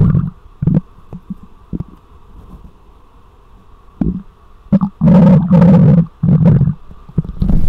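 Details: Low gurgling rumbles and squelches swelling into longer growls, picked up by a microphone on the belly; ordinary stomach growling (borborygmi) from gut movement.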